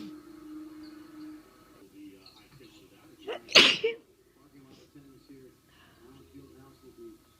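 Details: Single loud, sharp sneeze with a brief intake just before it, over quiet room noise and faint talk, during a head cold turned chest cold where sneezing triggers coughing; sneeze.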